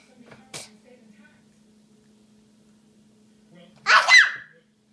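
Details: A single sharp sneeze from a child, with a brief voiced tail, over a steady low room hum.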